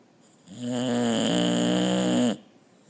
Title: Bluto snores